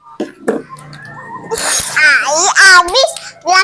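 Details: A child coughs a couple of short times while playing pretend cooking with an older sibling, followed by playful chatter and laughter; cough.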